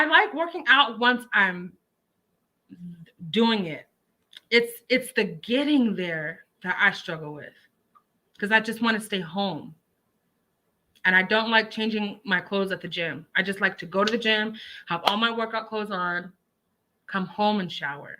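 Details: Adult woman speaking; Normal speech.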